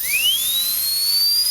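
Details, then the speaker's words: Air-driven high-speed dental handpiece (large-head Super Torque 642B Lux with fiber-optic LED), turbine normally about 310,000–350,000 RPM: high-pitched whine rising quickly to speed; normal running sound. "and you have the normal sound and operation and the LED light"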